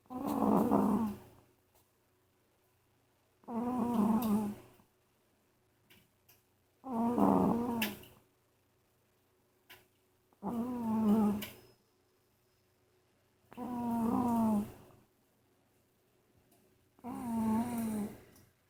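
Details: A sleeping cat with structural nose issues (not sick, vet-checked) snores loudly and rhythmically, about 18 rumbling snores a minute with quiet pauses: snoring.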